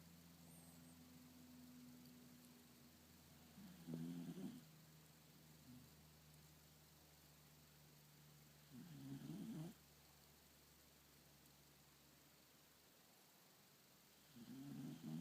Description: Snuggled into daddy's neck, snoring away.